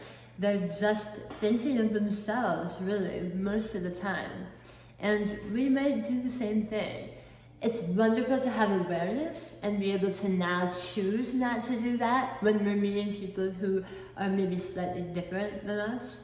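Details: Adult woman, not born with a speech impediment, with a lisp-like articulation defect since a 2018 hemiglossectomy for oral cancer; about 50% of the tongue was replaced by a flap tethered to the cheek; articulation disorder after partial glossectomy.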